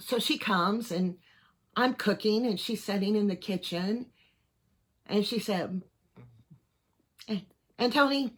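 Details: Voice tremor in a 55-year-old man; his neurologist is unsure whether he has Parkinson's disease, cervical dystonia or both. Tremor in voice, head and hands began around January 2024 and has worsened. He is treated with carbidopa-levodopa and neck Botox.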